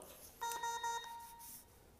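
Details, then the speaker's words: High-pressure alarm on a Newport HT70 ventilator in adult volume-control SIMV mode, connected to a test lung: repeated electronic tones with a red severe-alarm light, triggered by a deliberately excessive tidal volume. "So, you see that the top flash is red. That means that's a severe alarm that we need to take care of."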